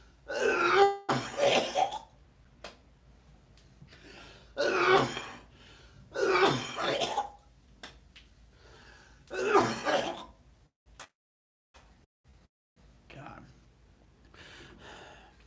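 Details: Adult with slight asthma, without an inhaler for about a week and congested, has a coughing fit of about five loud, harsh, wet bursts with throat clearing between them: a productive cough from a suspected chest cold.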